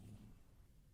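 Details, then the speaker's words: Adult woman's stomach growls during an interview while hungry: a soft, low rumbling gurgle from the belly, ordinary hunger borborygmi. "Zaraz mi zaburczy, czuję to. Muszę się poruszać, to nie może się powtórzyć."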